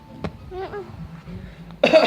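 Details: Infant boy doing a pretend voluntary cough: a single short cough-like burst followed by a brief vocal sound and an adult's voice.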